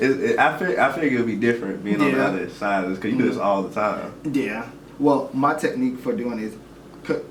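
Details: Adult male speaker; no disorder.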